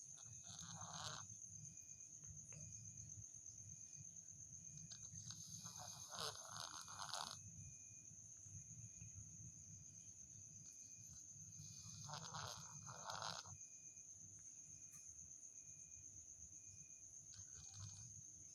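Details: A cat snoring: soft, rough breaths in paired bursts every few seconds, under a steady high-pitched whine and a low rumble of background noise.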